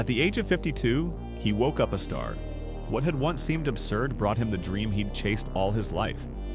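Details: Adult male narrator; Normal fluent speech.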